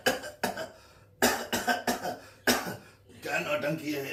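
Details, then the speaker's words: About four sharp, forceful acted coughs in quick succession, with vocal sounds between them, in a comedy sketch about a cough lasting three months; a repeated cough. "ये क्या नट मेरी तीन महीने से खासी ठीक नहीं हो रही और तू मेरी खांसी को अंग्रेजी बीट समझ के डांस किए जा रही है"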